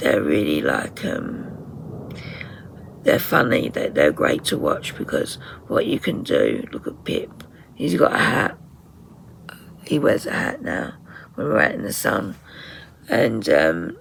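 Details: Woman with voice dysphonia from very tight, stressed muscles around the vocal cords, also affecting swallowing; voice sometimes distorted or unintelligible, sometimes unable to speak; in speech therapy; muscle tension dysphonia.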